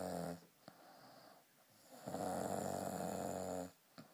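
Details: Snoring: two loud, low, rattling snores on inhaling, separated by a quiet pause; ordinary snoring.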